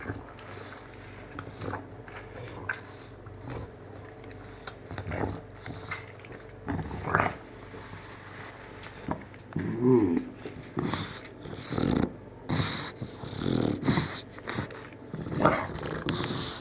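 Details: Bulldog awake, making irregular snorting, snoring-like noises: stertor.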